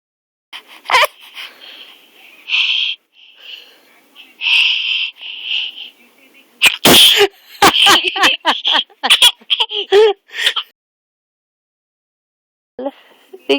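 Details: A run of short, high-pitched, forced sneeze-like bursts made on command when asked to make herself sneeze, followed by quieter vocal sounds; sneezing.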